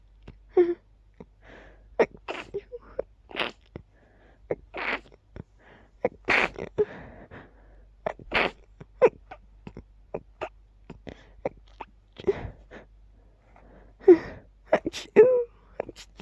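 A long run of very quiet, rapid, stifled sneezes in quick succession, roughly twenty soft bursts.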